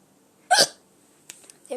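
A single sharp, abrupt gulping hiccup, then quiet with faint background sounds.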